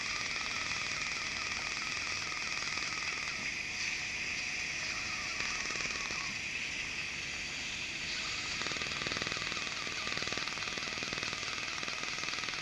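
Rapid high-pitched crackling pulses, about four a second, over a steady hiss: the popping sound of an Er:YAG dental laser at work.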